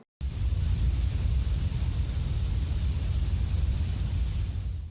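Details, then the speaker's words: Simulated engine-type tinnitus: steady deep airplane-engine-like roar with a thin high whine, described as heavy, loud humming, often in older patients with marked hearing loss; low-pitched roaring tinnitus. "일명 비행기 엔진 소리라고도 하시는데요. 이런 분들 같은 경우에는 정말 연세가 많으신 분들도 많으세요. 묵직하고 크게 웅웅거리는 소리가 난다고도 하시고요."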